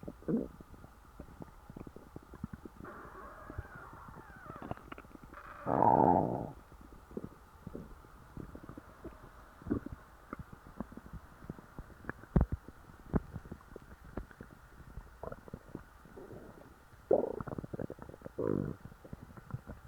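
Low gurgling rumbles and bubbling squeaks over quiet background, with a louder rumble midway; ordinary stomach growling after a large meal.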